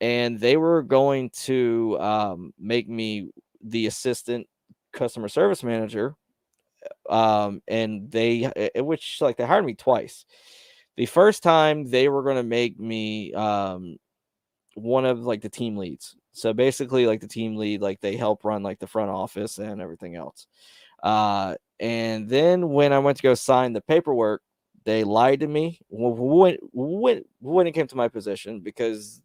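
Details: Stuttering in a man who reports his own stutter, speaking on a live stream; word repetitions are heard.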